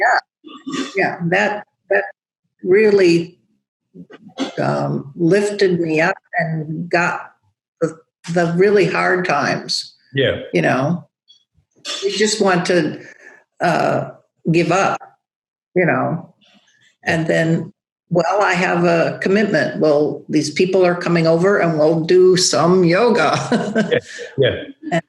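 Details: Adult woman with aphasia after a large stroke affecting Broca's area, with ongoing word-finding trouble and halting speech; aphasia.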